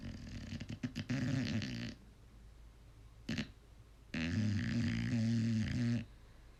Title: Snoring problems?